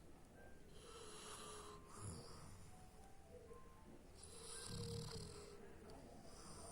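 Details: Dog Hachiko asleep: low rumbling snores and snorts, partly masked by background music; snoring.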